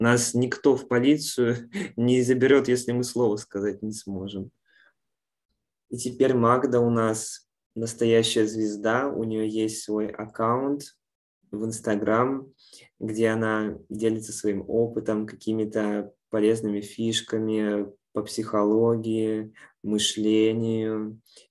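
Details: Adult man speaking Russian; normal speech.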